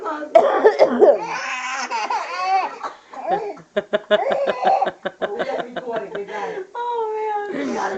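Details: A child gives repeated short coughs while an infant laughs brightly between them in a small room; cough.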